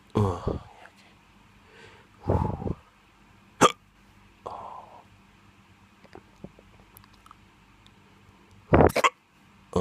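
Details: Drunk hiccups: several abrupt, irregular gulping hiccups separated by quiet pauses, with faint room noise.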